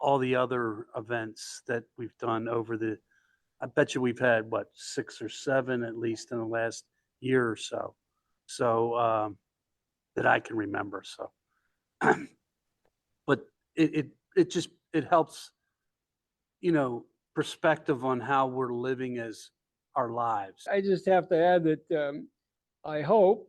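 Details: Male stroke survivor with aphasia, a member of an aphasia support group; aphasia.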